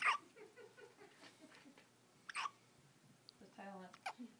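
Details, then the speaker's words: 6-day-old twin infants making soft coos broken by about three abrupt, short, synchronized hiccup sounds in a quiet room; infant hiccups. "and there are more of those too synchronize hiccups mom your premonition may be right"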